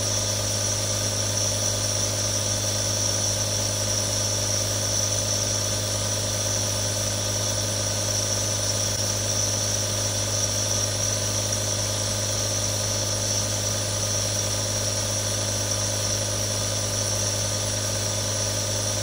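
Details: Real recording of three different nebulizers for relaxation ASMR: a continuous steady mechanical buzz and hum with hissing airflow, a nebulizer running.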